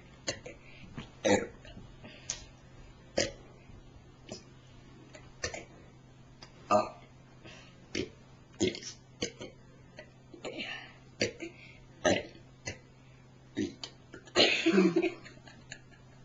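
Repeated short, throaty bursts of belching from an adult, separated by brief quiet pauses.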